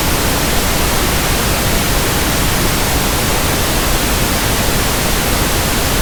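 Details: Simulated tinnitus: pink noise sample for tinnitus sound matching and frequency testing, a steady, soft rushing static with no change throughout, used to match persistent hissing tinnitus.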